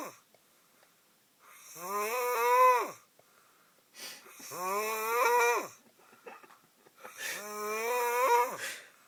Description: My brother snoring like a monster.